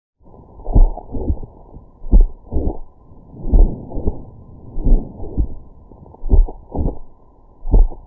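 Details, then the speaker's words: Mitral valve prolapse on auscultation: slow, regular heart sounds with a sharp systolic click between the first and second sounds. "With oscultation, you will hear a systolic click."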